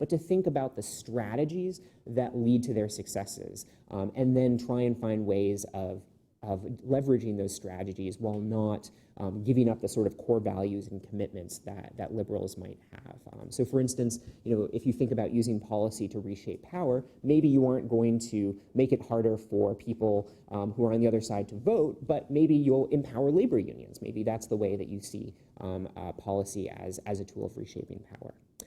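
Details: Adult male speaker; no voice disorder.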